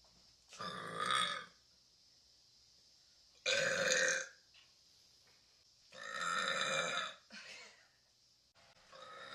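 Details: Four loud, long, rumbling burps with short quiet gaps between them; repeated belching in a burping compilation.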